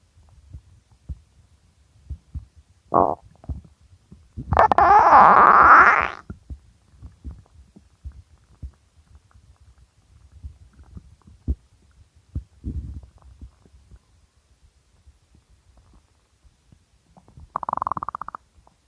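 Quiet clicks and gurgles with a few louder rumbling bursts, one long growl; hunger stomach growling.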